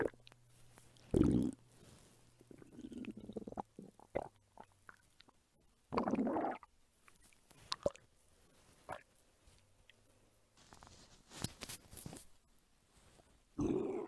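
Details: Erica, an adult woman, hungry, belly and stomach rumbling recorded as ASMR: irregular gurgling and rumbling bowel sounds with short squelches from an empty stomach; borborygmi.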